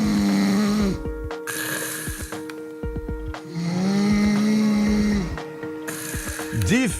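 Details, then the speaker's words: Heavy snoring: loud, harsh buzzing snores on two long breaths with a steady tone and music underneath. "noites barulhentas e mal dormidas duas horas da manhã e não parou de rolar de ficar conosco mesmo time mandando um com o outro o cara é um sinal de alerta para a saúde e de perigo para o casamento"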